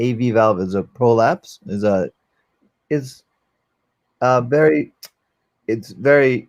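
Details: 44-year-old man, former paramedic, with post-stroke aphasia following a stroke during valve surgery; cannot use one arm; aphasia.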